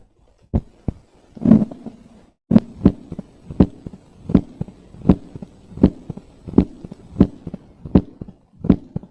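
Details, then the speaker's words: Mid-diastolic murmur of mitral stenosis, regular rhythm about 80/min: low rumbling diastolic murmur ending in a loud first heart sound, with another sound also heard. "so there is a murmur which is ending with the sound and then there is another sound that sound is S1 o A2 o and the murmur is ending with the loud first heart sound"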